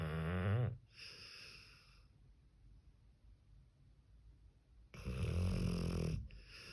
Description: I was working on some #shorts and I saw my #pitbull sleeping next to me and the land seal started snoring.